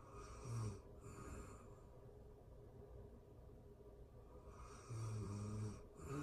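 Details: Real-time recording of a sleeping person snoring, made for anxiety relief: two low, rattling snores about four seconds apart, with quiet breathing between them and faint room hiss; snoring.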